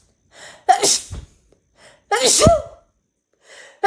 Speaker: de diary I have a secret I love sneezing the feeling is just so intense